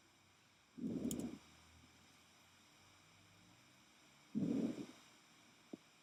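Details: Normal vesicular breath sounds over the lung field: two soft, low, rushing breath sounds separated by a quiet pause, in a veterinary auscultation recording.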